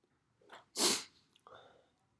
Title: Sneezing on October 3rd, 2020